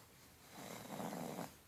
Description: Love his snoring!! Loving his dreams